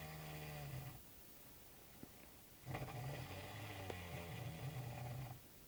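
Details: Two long, low, rattling loud snores with a quiet gap between them: snoring.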